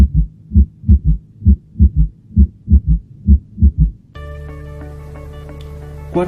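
Low heart sounds in repeating triplets at about 66 a minute, an extra soft beat just before the first sound: an S4 gallop. Music follows.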